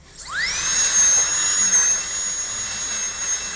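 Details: High-speed dental handpiece spinning up with a steady high-pitched whine, cutting a maxillary premolar class II preparation in a teaching course; dental drill.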